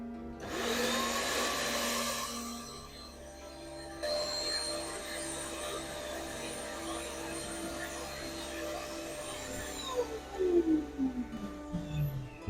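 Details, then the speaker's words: Steady mechanical whirring and hum of a dental vacuum forming machine running, sucking a heated sheet tightly down onto a teeth mold to make a home-made night guard for tooth grinding, in a small room. "the vacuum on for a while turn the lamp away now you see it is very tightly hugging the teeth"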